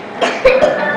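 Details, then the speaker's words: Whooping cough (pertussis) in a child coughing for two weeks with increasing severity, no significant fever, post-tussive vomiting and a past history of asthma: short paroxysmal cough bursts running into a high, strained, tonal inspiratory whoop. "okay the first ask question is what is the diagnosis it is very obvious it is whooping off so why it is whooping up what are the positive points one is paroxysmal cough of many days that exhausts the child second is post testing vomiting third is oop that you have already listened to in the video clip"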